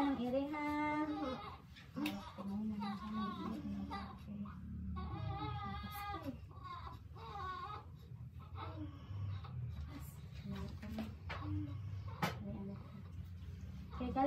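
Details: Thin, high newborn cries in short bursts with adult voices and soft music behind; a second baby's first cry after a hard normal vaginal birth, baby initially not crying.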